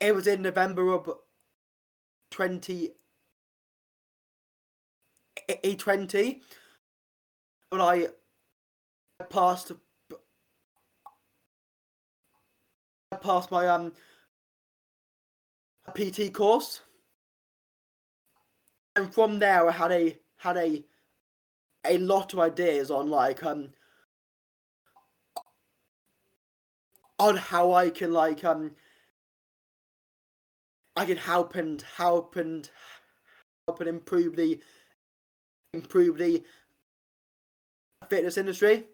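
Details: Adult man who has stammered since age five, with blocking and repetitions that worsen under stress; pauses, repeated words and fillers; stammering (stuttering).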